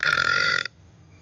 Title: Girl Burping in the Pool